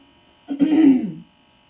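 A single voiced throat clear running into a short cough, from an adult woman with a cold.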